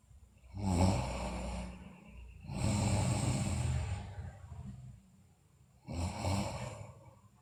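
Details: Snoring from a sleeping girl, also described as having bruxism and being delirious.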